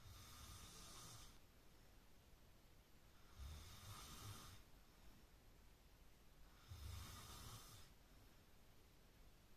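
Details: Person sleeping in bed beside someone who can't sleep: three low, rumbling snores with a breathy hiss, about every three seconds, roughly 20 breaths a minute; steady snoring.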